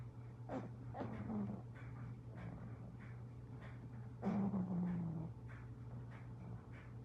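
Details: Pug snoring in sleep: low rumbling, snorting breaths with whimper-like squeaks on some breaths, with a steady low hum behind.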